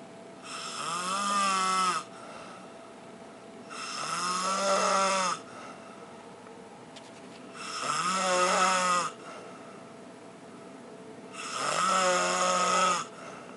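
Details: Snoring in the dark: loud, rattling, buzzing inhalation snores, four in about fourteen seconds with quiet gaps between; heavy snoring.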